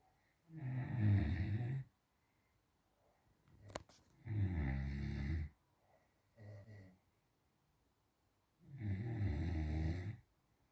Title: Funny Snoring.